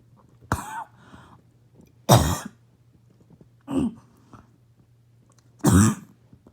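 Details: Barking cough.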